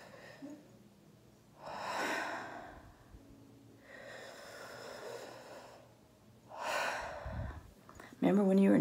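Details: Adult female orthopedic surgeon recovering at home from COVID-19, doing a phlegm-clearing exercise: three deep, forceful, noisy breaths ending in a brief voiced groan; heavy breathing during airway clearance.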